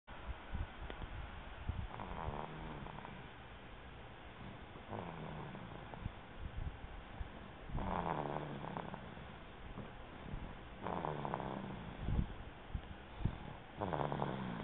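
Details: Baby boy snoring during sleep, recorded on an HTC mobile phone: soft, low rhythmic snores every few seconds over steady hiss; light snoring.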